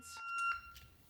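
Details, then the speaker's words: Short, steady high electronic tone cutting off sharply: corpuls3 defibrillator delivering a 200 J unsynchronized paddle shock on a training model after a "clear" countdown. "Attention everyone move away from the patient. Shock. Attention everyone. Clear. Shock in three, two, one."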